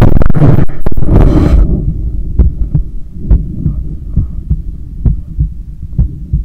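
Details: Heartbeat recorded on waking in the morning: after a loud rustle, soft low thumps repeat steadily under a hum at roughly 85 beats a minute; an ordinary heartbeat.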